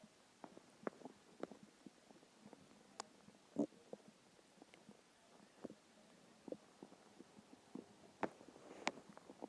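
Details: Soft gurgles, squeaks and pops from a hungry stomach in a quiet room; ordinary hunger growling.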